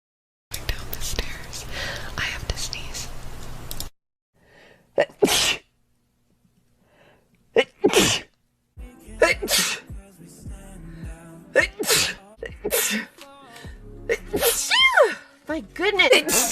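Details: Cat sneezing repeatedly: several short, sharp, explosive bursts of air in a quiet room, with soft voices in between.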